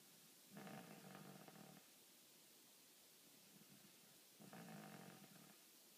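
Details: Two rough, buzzing snores about four seconds apart over quiet room noise; ordinary snoring.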